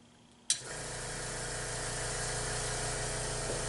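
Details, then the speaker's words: Portable suction machine switched on and tested in water before tracheostomy suctioning of a client in mid-Fowler's position on a trach collar oxygen source; a click, then steady motor drone with a hiss of suction. "so I'm going to come here and turn all my suction and I'm going to test it by putting it in the water"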